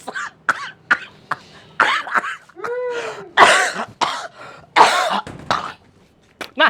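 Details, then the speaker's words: Several short, dry cough bursts and throat clearing with a brief voiced sound between them, from a male stand-up comedian performing while he has a cough and feels unwell; ongoing cough. "Aduh, sorry pemirsa, saya lagi batuk, jadi kurang fit ya."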